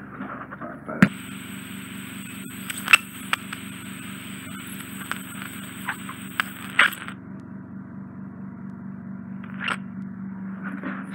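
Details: Endoscopic microsuction removal of bilateral fully occluding impacted ear wax, right ear more impacted, using Zoellner suction probe (fine 18-gauge end for residual wax on left eardrum): steady suction hiss and hum with sharp clicks and crackles as wax enters the tube.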